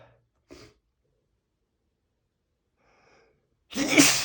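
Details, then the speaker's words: Single sneeze while reading a book aloud: a brief breath catch, a pause, then one loud explosive sneeze. "Around 9 or 10 people came to say, I gotta sneeze."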